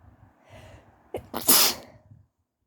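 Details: Morning sneeze while still sleepy, with throat tickle and coughing, possibly getting sick again: a quick breath in, then one loud, sharp, hissing sneeze.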